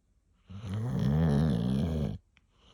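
A single long, low, rumbling, honking breath from a sleeping dog. This is snoring.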